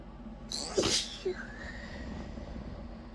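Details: A short, partly stifled sneeze, held quiet on purpose with a nose easily provoked that night, then a brief small catch of breath over quiet room noise.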